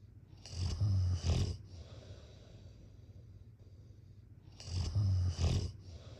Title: # #snoring #snoringasmr #snoringsounds #snoringsleepingsoundeffect #sleepsounds